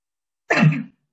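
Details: One short, forceful cough burst after silence, demonstrated after repeated huffs as the final step of an effective-cough exercise for Covid patients to clear sputum.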